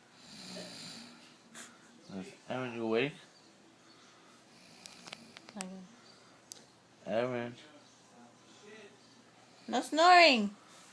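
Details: Sister caught on video snoring while asleep, though she insists she doesn't snore: several short, loud, fluttering snores between quiet pauses in a quiet room.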